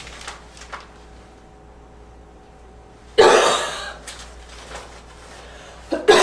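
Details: Slight wheezy barking cough: two harsh, loud cough bursts a few seconds apart in a quiet room, with a faint whistling edge.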